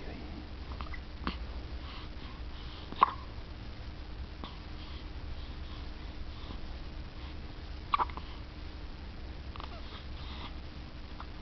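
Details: Repeated sharp, brief catches at irregular intervals, about two clear ones, in a quiet room, during a long-lasting bout: hiccups.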